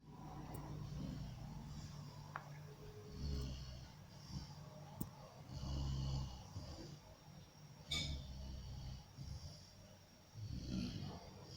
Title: Golden retriever puppy snoring